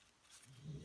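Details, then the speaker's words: Pet bulldog snoring in the background during indoor card-making; snoring. "if you can hear snoring again yet it's my bulldog he's with me all the time"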